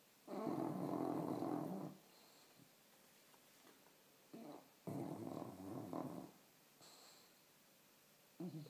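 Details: Sleeping dog snoring with rough, rumbling snores, long noisy bursts on the breath and quiet pauses between them, in a small quiet room.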